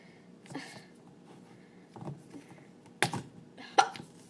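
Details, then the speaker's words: Person with hiccups, recorded late at night in a quiet room: four short, sharp, throaty catches in about four seconds, spaced irregularly; hiccups. "you probably can't tell right now but I do have hiccups"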